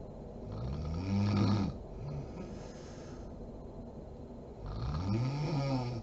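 Deep, rattling snores on two slow inward breaths, with a quiet stretch between them; ordinary adult snoring.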